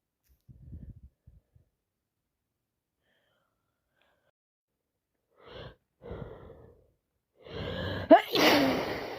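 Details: Person with an awful cold who can't stop sneezing: a few short breathy intakes build to a sharp, wet, explosive sneeze.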